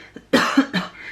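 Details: Cough from an adult who mentions having a hoarse voice: two short, loud cough bursts close together, the second slightly weaker.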